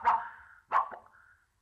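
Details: Adult man with severe Tourette syndrome speaking at a press conference: sudden, loud, bark-like vocal bursts break out abruptly, fitting involuntary vocal tics.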